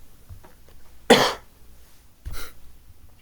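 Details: Two short coughs, the first sharp and forceful and the second softer, against quiet room noise, from someone coughing badly while solving a Sudoku: cough.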